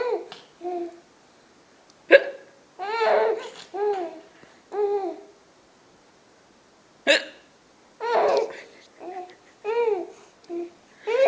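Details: An adult mother gives two sharp, abrupt hiccups several seconds apart while a young child giggles and babbles with laughter in response; hiccups.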